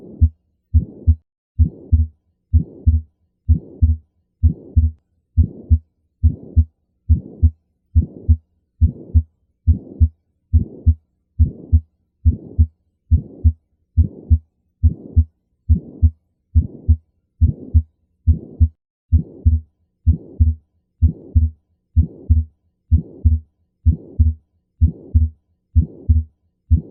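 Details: Pulmonic stenosis murmur: regular heartbeat near 70 a minute with harsh crescendo-decrescendo mid-systolic murmur between first and second sounds.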